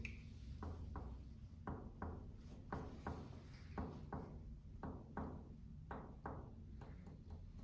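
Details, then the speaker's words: Topographic finger percussion over the upper back, from mid-scapula toward a point 3–4 cm lateral to C7; paired taps whose note changes from resonant to dull, marking the height of the lung apex from behind. "You can detect the difference, yes? It is the height of the apex from the back side, yes?"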